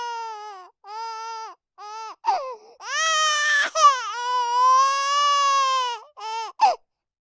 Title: Human Baby Cry - Game Music | Game Sounds